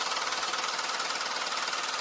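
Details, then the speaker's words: At-home low-intensity shockwave device used on the penis for erectile dysfunction, running: loud, rapid, steady mechanical tapping like a small jackhammer; user reports no pain. "All right, so here we go. It's going to get loud."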